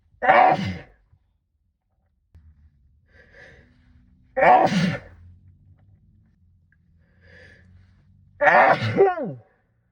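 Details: Three muffled sneezes into a sleeve, about four seconds apart, each with a sharp intake before and soft gasps between, part of a sixteen-minute sneezing fit brought on by cold weather; sneezing.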